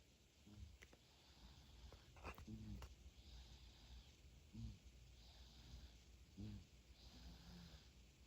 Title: 3개월 아기가 코고는 모습, A 3-month-old baby snoring #아기, #3개월, #baby, #cute, #코골이